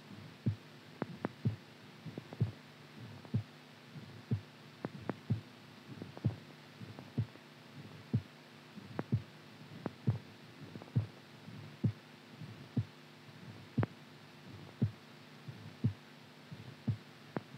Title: IRREGULAR HEARTBEAT SOUND SLEEP